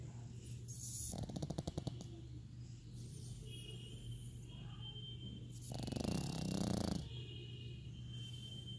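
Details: Two loud, rattling snores about four seconds apart from a sleeping pug, over a steady low background hum; dog snoring.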